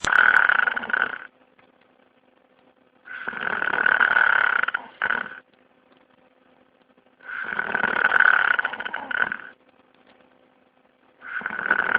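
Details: Loud, rough, buzzing snores on each inspiration, about 14 per minute with quiet pauses between; heavy snoring.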